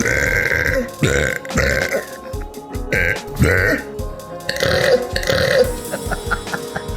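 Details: Girl's several long, low, croaking belches over background music; burping.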